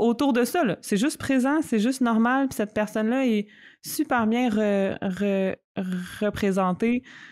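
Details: Stuttering in an adult woman who stutters, speaking spontaneously in French in a podcast conversation.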